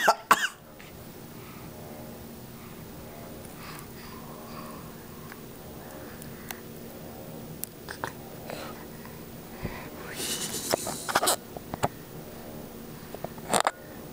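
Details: Infant copying an adult's coughing gives a few short, deliberate voluntary coughs, playful rather than a sign of illness.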